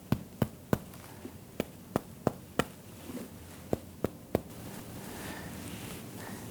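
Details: Normal resonant percussion note.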